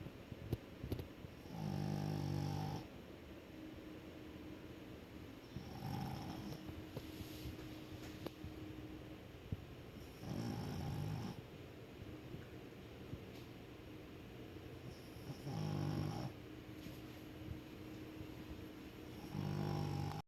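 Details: Snoring: regular low rumbling snores, about one every four to five seconds, with a soft steady hum between them.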